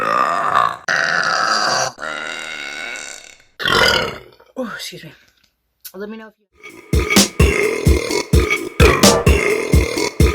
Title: The Best Burps from August 2022 | RBC